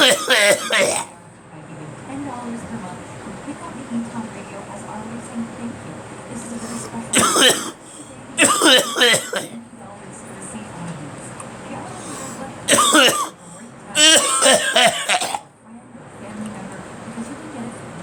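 About four bursts of harsh coughing with throat clearing, over a radio talk broadcast playing in the background; ordinary cough.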